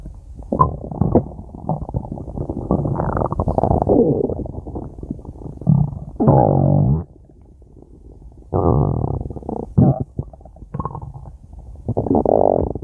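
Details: Stomach growling (borborygmi): loud, long gurgling rumbles and squeaky twangs in repeated bursts.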